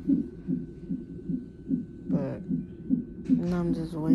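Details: Fetal heartbeat on a labor-and-delivery triage monitor at 34 weeks' pregnancy, mother with sharp pain and pressure; heartbeat described as very good and strong.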